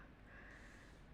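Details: A brief, noisy snorting breath from a sleeping infant with a cold and cough, typical of a blocked nose; nasal congestion.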